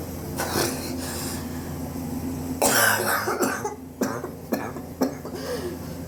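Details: About six short, harsh cough bursts spread irregularly in a quiet room; persistent cough over recent weeks, self-suspected bronchitis, chest x-ray pending to check for pneumonia.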